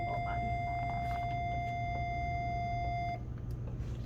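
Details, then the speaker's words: Hospital staff defibrillator training on synchronized cardioversion, Stryker/Zoll units: after charging and the call to clear, a steady high continuous tone for about three seconds, then stops. Defibrillator ready-to-shock tone. "and then we can go ahead and charge clear everybody out of the way and hit the red lightning bolt button"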